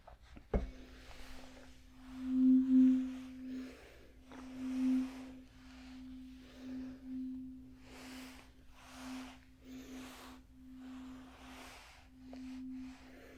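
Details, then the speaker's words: A struck tuning fork rings with a steady pure tone that slowly fades, with soft rustling, during a simulated ASMR role-play cranial nerve exam; tuning fork hearing test. "we're going to do the tuning fork test okay going to do it three times and you let me know when you can no longer hear the S okay for"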